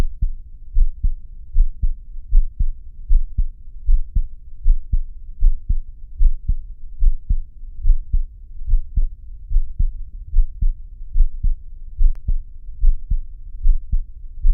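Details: Steady, deep heart thumps at about 75 beats a minute with a regular rhythm; a field recording of a heartbeat.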